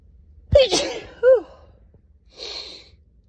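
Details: Woman's single allergy sneeze, mostly dust-allergy triggered: sharp intake, explosive sneeze with voiced tail and breathy exhale afterward.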